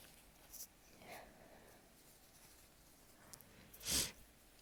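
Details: A faint breath and quiet build-up, then one sharp hissing sneeze in a quiet room, from a sneezing fit while lying beneath a ceiling fan in summer, the worst season for sneezing.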